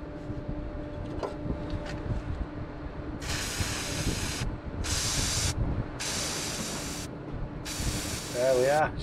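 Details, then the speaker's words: Antiseptic spray applied to a dairy cow's outer front claw after paring out a fresh white line abscess, before bandaging with salicylic acid paste; four short aerosol hissing bursts with barn noise behind. "get that decided in there. Spray and then get a bandaged up salicylic acid dirt paste."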